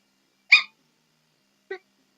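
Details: Vocal tic squeak from a young person whose Tourette's tics developed with bad anxiety during the last year of high school.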